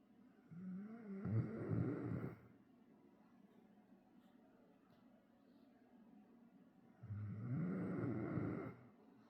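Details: Bull terrier fast asleep on owner's lap: two long, rough, rumbling breaths several seconds apart with quiet between; loud snoring in a sleeping dog.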